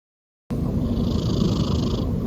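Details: A sleeping cat snoring: a steady, low rumbling breath noise, a soft snore or purr-like sound.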